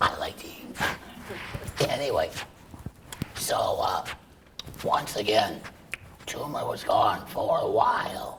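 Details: Adult male laryngeal cancer survivor after chemoradiation then total laryngectomy, breathing through a stoma, speaking with a tracheoesophageal puncture voice prosthesis; tracheoesophageal speech after total laryngectomy.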